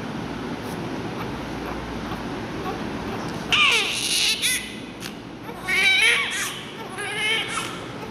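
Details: Newborn baby being given oxygen, crying with no tears: steady room hiss, then three short bursts of high-pitched crying with whimpering between them, a newborn cry.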